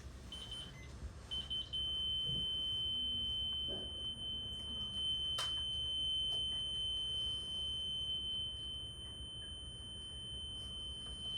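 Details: Sustained high-pitched electronic alarm tone with brief beeps in a quiet room: defibrillator alarm warning about the pads during a transcutaneous pacing demonstration on a simulator in an EKG review.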